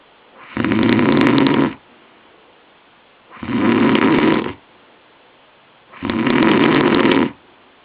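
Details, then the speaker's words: Sleeping man, later professionally diagnosed with chronic sleep apnoea, who denied snoring: loud rattling snores each over a second long, about 23 a minute, with silence between; heavy snoring. "And there it is, his infamous rattling double snore!!!"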